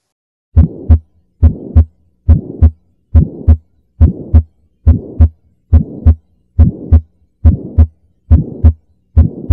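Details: Sound-enhanced teaching recording of pulmonary stenosis. Regular heartbeat near 70 a minute with a harsh whooshing murmur filling the gap between first and second sounds: pulmonary stenosis murmur.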